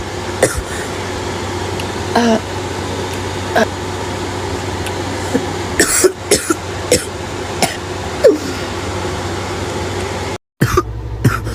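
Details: Girl with an awful gagging barking cough: scattered short, harsh coughs with a gagging edge over a steady vehicle or fan hum.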